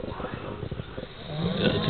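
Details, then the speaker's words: Two men asleep in one bed, snoring competitively: one gives longer snores while the other quiets. Low, rattling, pulsing snores recorded on a phone with background noise. "is winning. He's up. He's got kind of like a longer snore."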